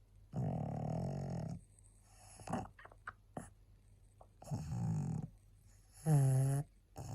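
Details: Very tired pug, a small flat-faced dog, barely able to hold her head up: loud, rattling, low snores on in-breaths with softer snuffling out-breaths between.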